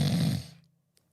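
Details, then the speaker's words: Breathing educator imitating nasal snoring while explaining snoring types: a single deliberate, brief, low nasal snoring noise. "The next form of snoring is nasal snoring, and it goes like this."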